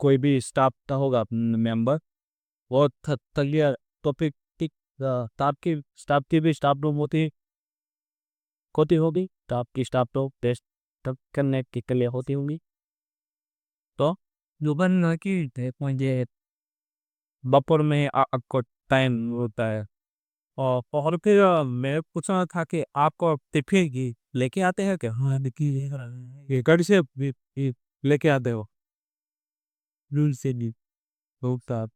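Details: Stammering (stuttering) in an adult male on day 27 of a stammering-control programme, using pausing and pacing techniques; background-noise removal applied to the recording altered his voice.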